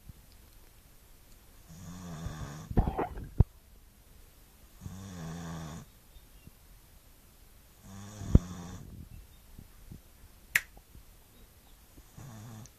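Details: Staffy dog snoring: low rattling snores with each in-breath, about 12 breaths a minute, with a few clicks and room noise between; snoring.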